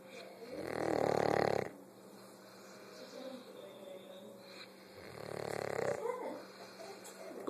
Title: Let snoring dog sleep....